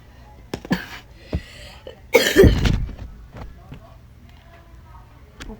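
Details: Person with a cough that is affecting their voice: a single loud, harsh cough burst amid quiet handling noises and murmured sounds.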